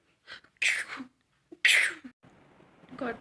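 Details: Two loud, sharp acted sneezes, each with a short breath in before it.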